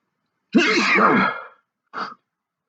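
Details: One loud voiced sneeze followed by a short second burst, provoked by sniffing sneezing powder into both nostrils, as part of a fit of stifled and big sneezes.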